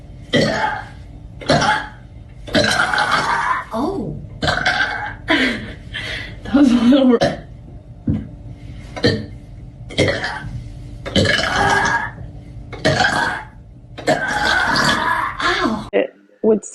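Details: Burping compilation of girls: a string of loud, rough belches from several people, some drawn out and croaky, with talk and laughter between.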